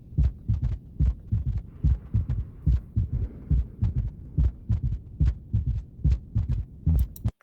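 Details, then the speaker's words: Third heart sound (S3 ventricular gallop), a low-frequency sound: regular low heart sounds in a three-beat gallop rhythm at about 72 a minute. "bien ese es el tercer ruido o galope ventricular"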